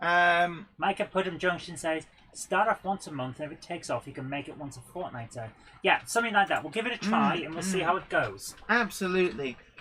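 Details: Adult speakers in conversation; ordinary speech.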